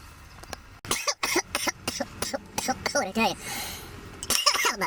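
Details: Run of harsh, hacking coughs in quick bursts, then a strained exhale, after smoking marijuana, CBD mentioned; coughing fit after smoking.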